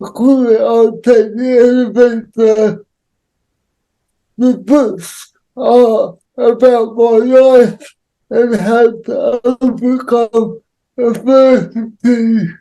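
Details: Adult male with cerebral palsy, real, with dysarthria (cerebral palsy).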